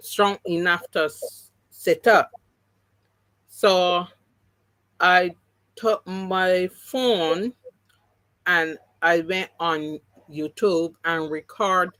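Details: Adult woman with three strokes (2017, 2018, 2019); the first, haemorrhagic, took her speech and paralysed her right side; she relearned to talk, though some words will never return: aphasia, partially recovered after stroke.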